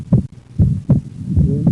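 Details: Patient breathing in and out on instruction while low heart sounds are heard, with a widely split second heart sound from delayed right-sided closure in right bundle branch block.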